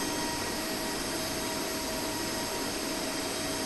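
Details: Demetdent JD-T5 5-axis dental milling machine running normally, with a steady, loud mechanical whir and a whining tone.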